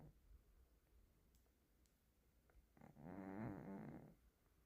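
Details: One rough, buzzing snore on an in-breath from a cat after a quiet stretch; loud cat snoring.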